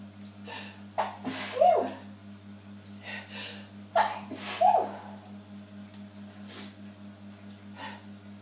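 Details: Sneezes in the shower, recorded on a phone, later ones muffled into a bath towel: two sharp intakes, each followed by a dampened burst, over steady room hum; sneezing.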